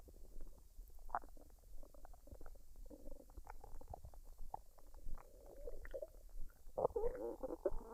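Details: Woman's stomach digesting fried rice and duck after dinner, unedited and with no artificial sounds added: irregular soft gurgles and rumbles with a few louder bubbling runs; normal bowel sounds.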